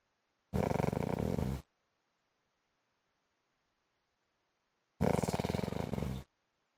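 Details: Heavy snoring in an adult man (husband), likened to a motorbike: two long, loud, rattling low snores separated by quiet exhalation, a coarse engine-like vibration.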